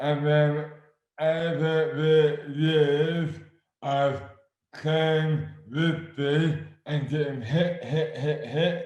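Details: Adult man with dystonia, slurred speech beginning suddenly overnight in May 2008, about 12 years before this 2020 interview; speech severely impaired, hands also affected; dysarthria from oromandibular dystonia.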